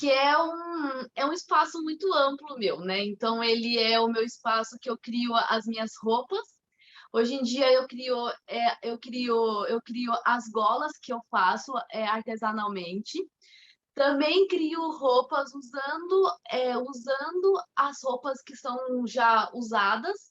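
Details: 25-year-old woman, Portuguese speaker, with mild stuttering beginning around age two and a half to three; stuttering.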